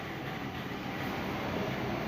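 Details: Nebulizer compressor running during repair, with a loud, steady rumbling motor drone throughout.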